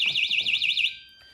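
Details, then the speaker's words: Prius Ai1 hospital bed exit alarm set to its highest of three volume levels: a loud, shrill, warbling electronic alarm that then stops. "And if you really want to hear it, there's your high alarm. It's screaming."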